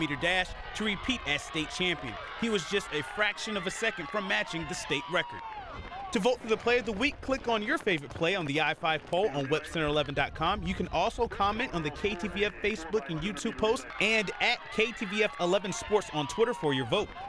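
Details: Adult male speaker; normal voice.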